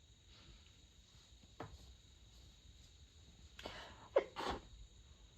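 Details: In the middle of the night, during a very long fit of 32 sneezes covered with a light blanket: a few soft, stifled sneezes, muffled bursts of air with little voice, in a quiet room; sneezing.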